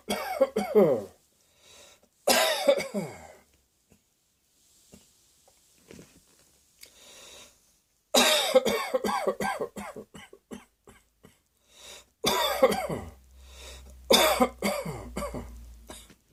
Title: Cross Dressing Coughing 77